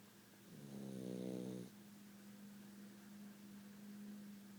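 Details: Snoring from a sleeping dog: one soft, buzzing snore on an in-breath, followed by quiet breathing.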